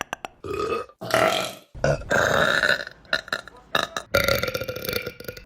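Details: Burping compilation: several loud, drawn-out belches with short gaps between them, showing repeated burping.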